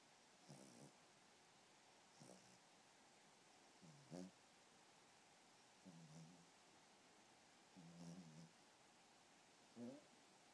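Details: Pomeranian puppy snoring in sleep: soft snorting snores, about six over ten seconds, at an irregular slow pace.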